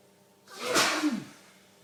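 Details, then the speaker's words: Adult man in a long, violent sneezing fit with watering eyes and streaming nose: a single sharp, hissing burst of air through nose and mouth; sneeze. "This is a sneezing explosion. Not done. My eyes watering, my nose streaming. I'm still sneezing."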